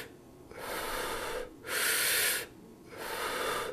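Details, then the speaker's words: Bronchial breathing heard with a stethoscope over the trachea. The breath sounds are loud, harsh and high-pitched, with a clear pause between equal inspiratory and expiratory phases: bronchial breath sounds. "هذا البرونكيلا هذا يكون هارش خشن بيخشونه خليها فوق التراكيا"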